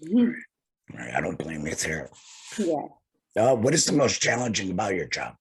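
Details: Tracheoesophageal speech from a male laryngectomee speaking through a TEP voice prosthesis after laryngectomy.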